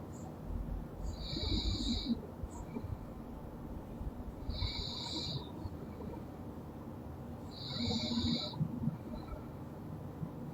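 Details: Loud snoring from a sleeping girl: rough, rumbling breathing with a high whistling note on each breath, about three cycles in 10 seconds.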